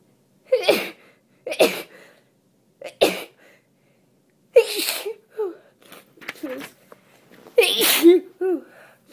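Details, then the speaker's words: A run of five or six wet, spraying sneezes with sniffs and voice between, from a congested adult still sick with a cold plus tree-pollen allergy, sneezing while reading aloud. "normally my uh allergies aren't so bad this time of year but i i think that i i think um the cold makes it worse and and i also i sneeze more when i when i talk that's why the reading makes me see so so much"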